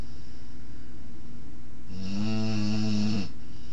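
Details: 20-week-old Boerboel puppy napping: one loud, low, rattling snore on an in-breath after quiet breathing; ordinary snoring during sleep.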